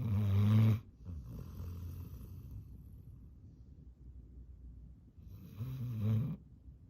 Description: Yellow lab retriever is exhausted and his mouth breathing snore is hilarious and extremely loud